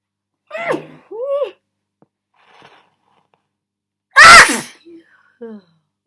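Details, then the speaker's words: Deliberate attempt to muffle sneezes: a few short, stifled voiced sneezes, then one loud, forceful open sneeze that escaped muffling, and a brief sniff afterward; sneezing. "oh man I'm trying to find the best way to muff these I'm failing"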